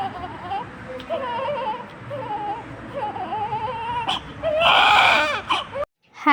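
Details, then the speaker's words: Newborn boy crying just after delivery while placed on his mother: repeated wavering cries building to a loud, vigorous wail, with soft music behind. "ని అయితే బయటికి తీసి అయితే sister నాపై అయితే పడుకోబెట్టినప్పుడు అయితే చాలా అంటే చాలా ఏడ్చాడు"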